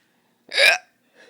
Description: I did 3 videos with the hiccups and this is one of them!